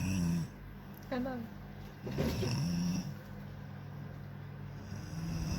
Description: Sleeping while snoring